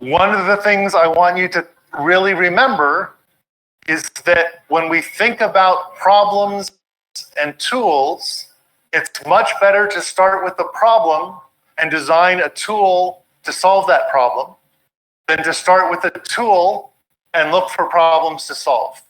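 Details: Adult; normal speech.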